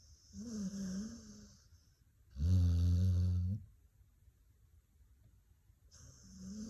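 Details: Dog snoring in its sleep: deep, loud, droning snores alternating with softer wheezy breaths and pauses.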